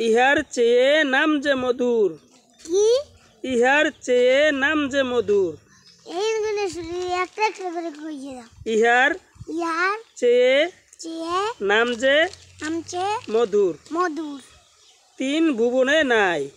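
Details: Young child stuttering while reciting a rhyme; stuttering.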